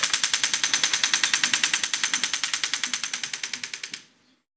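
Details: Rapid, steady, sharp pulses at about 200 a minute for four seconds, then stopping, from a STORZ MASTERPULS extracorporeal shock wave therapy unit treating a horse for lameness; shock wave therapy device pulses.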